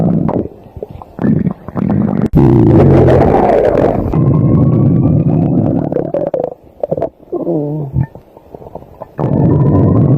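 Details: Loud, long stomach growling (borborygmi) while going outside: gurgling and rumbling with bubbly, rising and falling squeals from gas and fluid moving.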